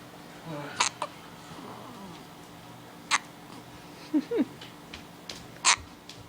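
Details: 4-day-old baby with hiccups: three sharp, sudden hiccup clicks about two to three seconds apart, with a few soft vocal squeaks between.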